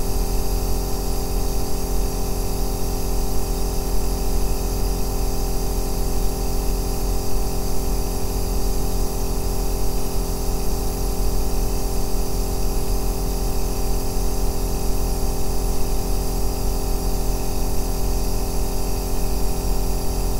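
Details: Aerosol nebulizer recorded as a 2-hour ASMR sleep sound: a steady, deep bass motor hum with a faint hiss, unbroken throughout as the compressor runs.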